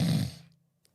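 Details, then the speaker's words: Imitated nasal snoring demonstrated by a person: a brief, rough nasal snort fading into a low hum. "The next form of snoring is nasal snoring and it goes like this."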